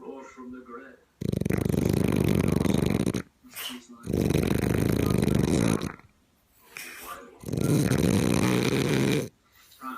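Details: French Bulldog snoring: loud, harsh, rattling snores in long bursts, about three in ten seconds.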